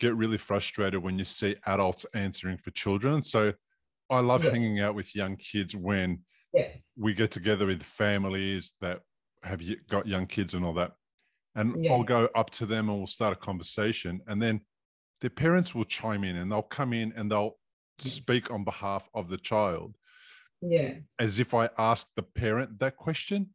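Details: Adult male speaker; Normal speech.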